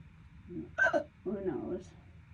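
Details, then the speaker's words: Persistent hiccups running over 12 minutes, described as worsening and painful and not normal. A sharp, abrupt hiccup with a short voiced groan, a sudden spasm snapping the breath shut. "God damn. They're getting worse. God damn. They're getting painful. This is not noral. Holiday hiccups."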